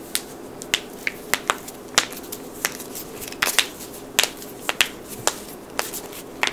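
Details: Joint cracking compilation of knuckles, necks, toes, backs, wrists and ankles: about fifteen sharp, dry pops and cracks in quick, irregular succession in a quiet room.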